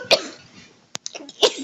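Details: Person accidentally inhaled a French fry while eating: violent, sharp, explosive coughs with a gasp between them; choking cough clearing food from the airway.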